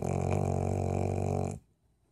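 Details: Golden retriever asleep: one long, loud, low rumbling snore with a buzzing, fluttering quality, then quiet; snoring.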